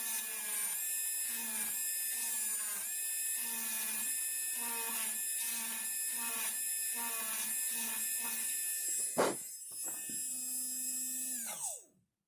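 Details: High-speed dental handpiece, steady whine with repeated pitch dips then winding down, doing mesial and distal reduction of a mandibular first molar (#36) on a typodont model for a full veneer crown, after deepening the occlusal groove.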